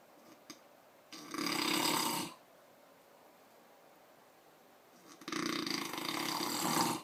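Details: Heavy snoring with two loud, harsh, rattling snores about four seconds apart, separated by quiet.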